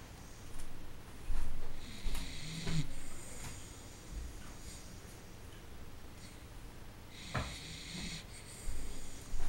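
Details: Sleeping dachshund snoring loudly "like a trombone", with low rumbling snores and snorts at uneven intervals and quieter breathing between them: snoring.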